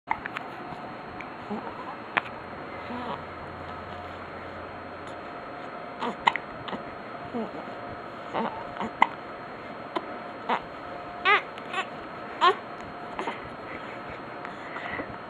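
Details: Infant boy's short, abrupt hiccups recurring every second or two over a steady background hum; baby getting upset at his hiccups.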